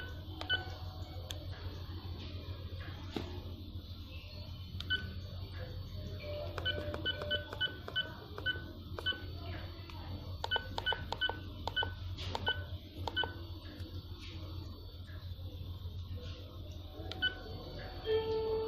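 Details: Infusion pump keypad beeps: short electronic beeps at each key press over low room hum while an Arcomed infusion pump is programmed for peripheral norepinephrine.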